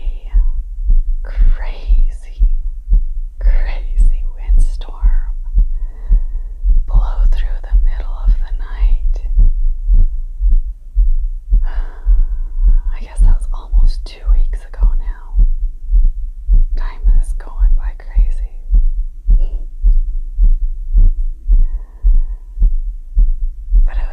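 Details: Adult's pounding heart just after yard work, stated as about 120 BPM, recorded close-up for ASMR: fast, strong, regular thumps around 110 a minute under soft whispering; sinus tachycardia after exertion.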